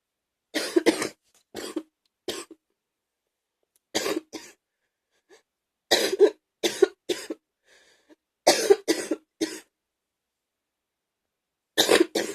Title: # 55 gaggy wet cough